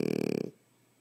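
A single brief rattling, fluttering breath sound, then quiet; a snore.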